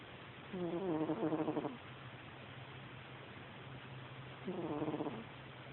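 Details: A sleeping pet cat snores with two buzzing, slightly whistling breaths about three seconds apart over a steady low room hum. The snoring is clearer about halfway through.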